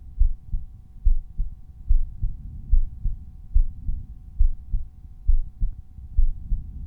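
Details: Normal heart sounds: a resting heartbeat recorded at one of several chest auscultation points (Erb's point, tricuspid, mitral, pulmonary, aortic), with the volume normalized separately for each point.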